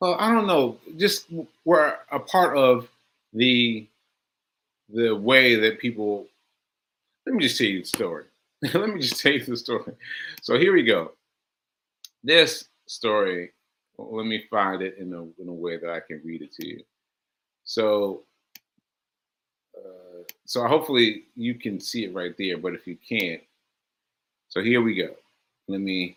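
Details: Man with aphasia, a language disorder affecting his ability to communicate, about six months into recovery since onset in July; finding: aphasia.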